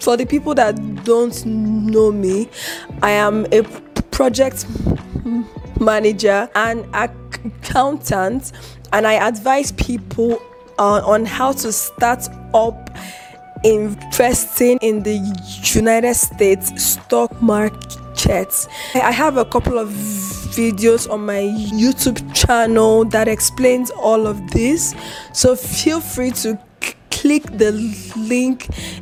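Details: Adult woman with a stutter; she controls it by gesticulating a lot and by reciting words or sentences in her head before speaking; stuttering.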